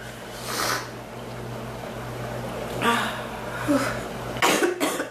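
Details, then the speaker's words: A woman coughing, painful in her chest and back, more her back, worsening and easing: a few harsh coughs with throat clearing, separated by quiet breathing, in a small room. "oh it hurts my chest and my back more my back than my chest to cough it seems like it gets better and it gets worse"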